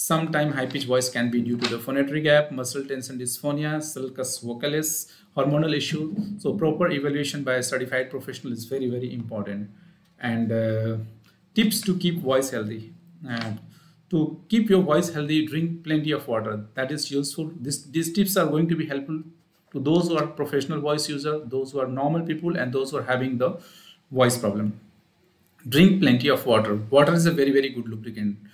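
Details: Adult male speaker; plain speech.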